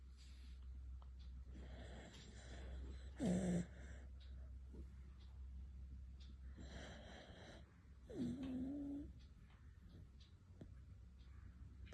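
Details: Quiet breathing with occasional brief snorting, whistly snores, roughly 12 breaths a minute, over low background hum, from a beagle napping: dog snoring.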